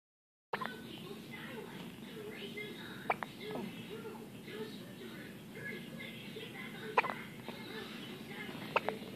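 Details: A first-ever hiccup fit: a few sharp, abrupt hiccup sounds at irregular intervals over quiet background noise.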